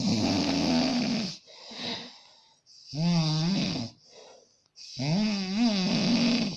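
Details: A man with suspected sleep apnea, filmed by his wife, who wakes sitting up from breathing stops and fears lying down: loud, harsh, rattling, vibrating snores with brief pauses; severe snoring.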